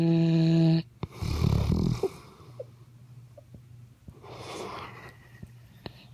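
A low rumbling, rattling snore on a breath in, with quieter breathing after it; an ordinary snore.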